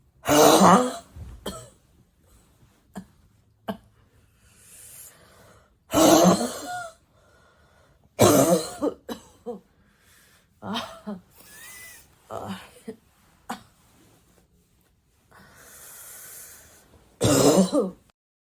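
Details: A girl's several hard, harsh, dry, raspy, barking coughs in bouts, with quiet breaths and throat clearing between them: dry raspy cough.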